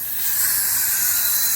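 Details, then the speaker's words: Dental check-up of a child having teeth cleaned: after polishing and a water rinse, the dentist's saliva ejector gives a steady high hissing suction as it draws the rinse water from the mouth. "I got my vacuum cleaner you remember this don't you like the vacuum cleer yeah can you feel that weird isn't it let's just suck away all the water"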